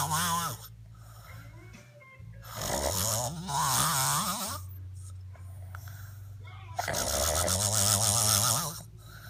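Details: Heavy adult snoring: loud, harsh, rattling snores with a low hum between breaths, about 14 per minute.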